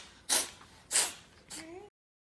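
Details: Rescued five-year-old female cat in a sneezing fit after sniffing food: two sharp, hissy sneezes in quick succession, then a soft squeaky vocal sound; vet found nothing wrong, sneezes close to 20 times in rapid-fire bouts.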